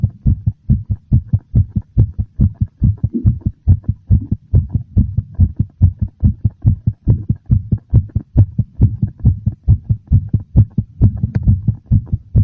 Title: [Heartbeat sound] A slightly fast, very noticeable heartbeat.